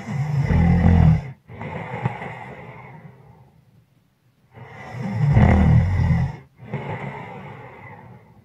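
Loud, rough snores on two breaths in, each followed by a quieter breath out, about seven breaths a minute.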